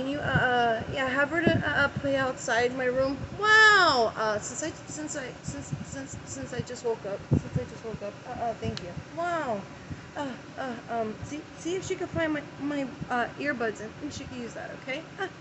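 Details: Adult woman having an early-morning tic attack right after waking, with uncontrollable repeated 'wow' tics and word repetitions interrupting speech; vocal tics.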